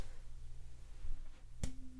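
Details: Simulated cranial nerve exam (role-play) for a shoulder injury from a fall: struck tuning fork gives a sharp tap, then a steady pure humming tone, held in two positions near the ear; Rinne-type hearing test.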